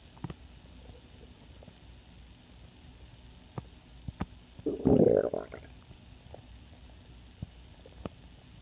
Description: Just a short recording of my empty belly growling away.